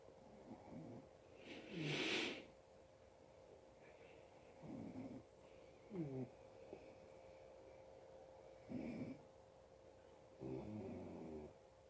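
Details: Adult man (the dad) asleep: soft rattling snores with breathing noise, about five in twelve seconds, over quiet room hum; snoring.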